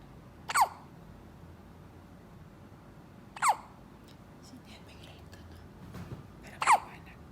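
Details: Three sharp, abrupt voiced hiccups about three seconds apart in a quiet room; hiccups.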